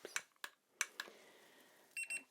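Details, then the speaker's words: Simulated nurse role-play check-up after ear surgery: soft clicks and handling, then a short double electronic beep as a thermometer pointed at the forehead takes a temperature, reading normal. "i'm just going to take your temperature so i'm just going to point this at your head you won't feel a thing okay we'll just hear a couple of peeps"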